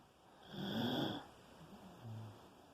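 One rumbling snore, then a softer breath, over steady background hiss.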